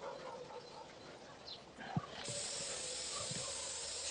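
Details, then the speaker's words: Steady hiss of blue aerosol disinfectant spray on a cow's stitched surgical wound after rumen surgery removing 14 kg of plastic from her stomach; antibiotics also planned. "probably need more than a bit of blue spray to beat the infection in there, but we'll put on some antibiotics and she'll be fine."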